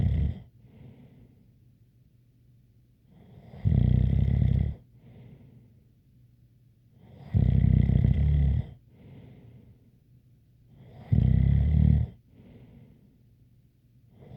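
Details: Regular loud snores, about one every four seconds, each followed by a faint whistly outbreath: snoring with a light whistle.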